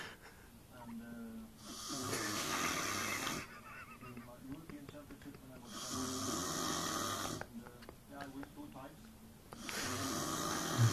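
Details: Very loud, harsh, rattling snores with long noisy breaths every few seconds; described as the world's worst snoring, with the person filming laughing faintly in the background.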